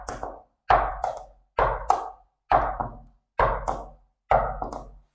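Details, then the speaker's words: Regular paired heart sounds near 67 a minute, the second sound splitting with inhalation as the pulmonary valve closes later: physiological splitting of S2. "acentuando la diferencia del ruido de estas dos válvulas y se produce el desdoblamiento fisiológico de S2. Por lo tanto, se escucharía algo como esto."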